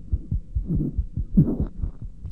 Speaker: when listening to heart sounds we note their intensity possible splitting